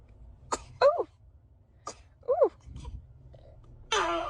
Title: Newborn sneezing 🤧 #baby #funnybaby #newbornbaby#cutebaby#funnymoments #lovebaby #fyp #tiktok